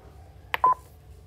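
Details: Nurse testing a defibrillator: a short click followed by a single clear electronic beep during the device test.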